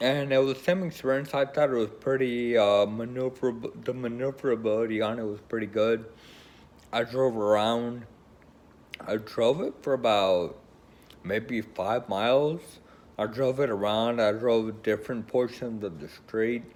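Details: Adult man with Friedreich's ataxia who is choosing a wheelchair or scooter; ataxic dysarthria in Friedreich's ataxia.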